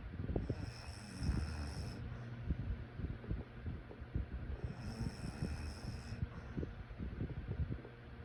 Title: Sleep snoring sounds